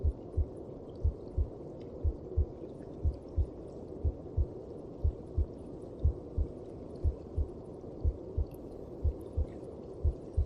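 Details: Maternal heartbeat heard inside the womb: a steady, muffled lub-dub at about 60 beats a minute over a constant low whooshing rumble.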